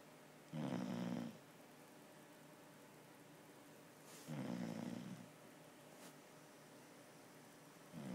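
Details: Sleeper snoring: soft, low rumbling snores about every four seconds over quiet room hiss.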